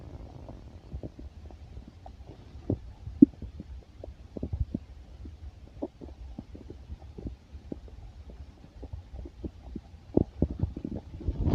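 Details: Soft, frequent clicks and gurgles over a low rumbling hum; ordinary stomach and bowel sounds, with heartbeat also described.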